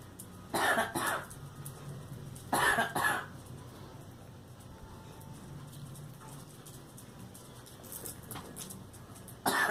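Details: Girl coughing: three bursts of double coughs separated by quiet pauses, with faint room noise.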